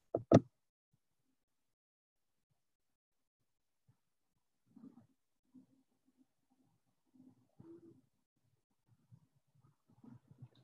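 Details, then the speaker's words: Simulated mild conductive hearing loss: faint, muffled, barely audible fragments of a child's normal voice as a listener with mild conductive hearing loss would hear it; pediatric hearing loss lecture demonstration. "this is that same child talking to someone with a mild conductive hearing loss"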